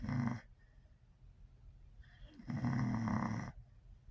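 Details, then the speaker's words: Female tri-color Pocket Bully dog snoring: two loud, buzzy snores with a soft breath between them, in a quiet room. "what's my big old girl doing you here snoring you snoring where you big baby snoring"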